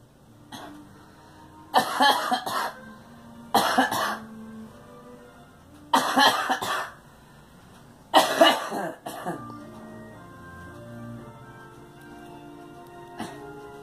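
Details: Girl coughing: four short bouts of harsh coughing, each of two or three coughs, over quiet background music; cough.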